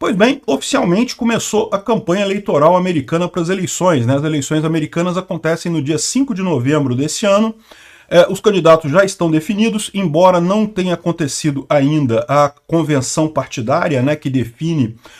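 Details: Adult man speaking Portuguese; normal speech.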